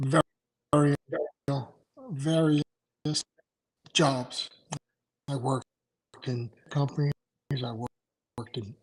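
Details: Adult male stroke survivor with aphasia after two strokes in November 2017, including a hemorrhagic stroke; right-sided weakness, unusable right hand without feeling, short-term memory problems, 10 seizures since; aphasia.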